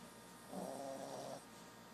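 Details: Sleeping Brussels Griffon dog snoring: a single rough, buzzing snore under a second long, rising from quiet background breathing noise.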